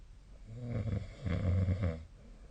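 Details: Snoring during sleep, recorded with a snore-tracking app: one low, rumbling, fluttering breath noise.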